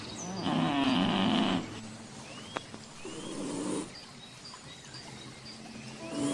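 Soft rumbling snores with each breath from a sleeping cat, with outdoor background sounds; ordinary snoring in deep sleep.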